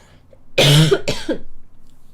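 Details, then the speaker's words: Two quick, loud, slightly rough coughs from a young woman with a persistent cough that won't subside and has worsened again; dry-sounding. "아니요 귀침이 기침이 안 사그라 들어요 아니요 그냥 기침이 기침으로 유지되고 있어요"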